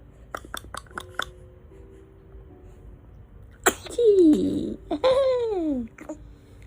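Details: Baby sneezing while laughing and babbling.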